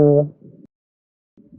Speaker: When consolidation is present, the spoken "E" sound is audible as an "A" sound, similar to that produced by a bleating goat.